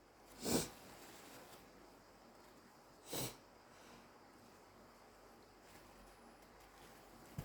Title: Wet induced allergy (?) sneezes